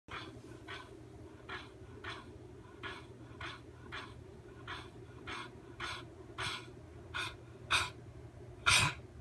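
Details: A dog's repeated cough: a rapid series of short, harsh, breathy bursts, growing louder toward the end.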